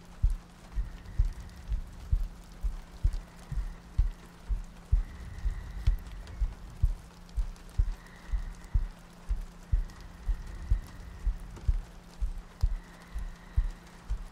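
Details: ASMR sleep-aid audio loop: soft, regular low heartbeat thumps at about 63 a minute under steady rain ambience, soft breathing and a faint hum; regular heartbeat.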